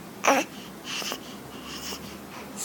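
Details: Morning hiccup: a single sharp hiccup with a brief voiced catch, followed by quiet breathing and soft room noise.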